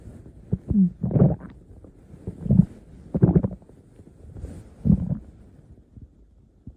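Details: Low, gurgling rumbles in irregular bursts, some with a brief squeaky pitch, over a quiet background: audible stomach growling (borborygmi).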